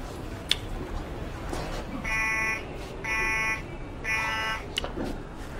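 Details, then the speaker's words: Three evenly spaced electronic beeps about a second apart over room noise: a pacemaker battery alarm set off at a security check, staged in a Persian TV comedy sketch (simulated). "سگک که نبود بود چیز دیگهای هم که نه آ ببخشید مال باتری قلبمه الان درستش میکن"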